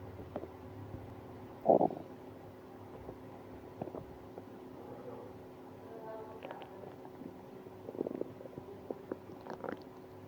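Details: Stomach pain after eating ice cream: gurgling bowel sounds (borborygmi), a loud rumble early, then softer gurgles and a second burst later.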